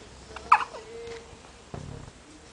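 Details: Two brief sharp catches in breathing, one followed by a soft whimper, from a 6-day-old newborn boy who often hiccupped in the womb; hiccups.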